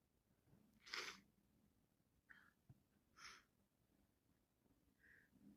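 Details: Two quiet, hissing sneezes a couple of seconds apart with soft breaths between, in a quiet room; repeated sneezing in a person who reports being constantly sick.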